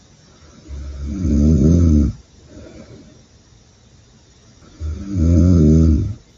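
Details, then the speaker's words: Adult man's self-recorded nighttime snoring, suspected sleep apnea: two loud, low, rattling inspiratory snores about four seconds apart with quiet breathing between. "me grabo roncando y tal Y le enseño yo ahí respirando fuerte o Mini ronquidos y tal durante la noche"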